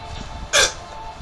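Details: A single sudden, sharp hiccup over quiet room noise, from a boy whose hiccups have continued since the night before last, worse after eating, stopping during sleep.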